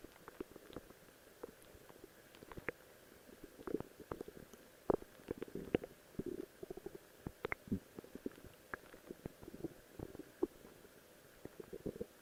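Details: Quiet, irregular gurgles and bubbling pops from the belly over a low hiss: ordinary stomach growling, recorded while wearing a cosplay outfit.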